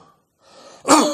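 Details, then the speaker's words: Doctor imitating an upper-airway cough: a quick deep breath in, then one single loud, booming cough, typical of laryngitis, pharyngitis or tracheitis. "if the irritant focuses in the pharynx or in the larynx which is the upper portion of the respiratory tract the COFF is very classically the patient takes a deep breath and gives one single big boom of cough"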